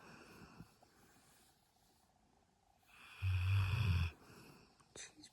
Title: Cane, Corso, sleeping beauty !!￼ loud snoring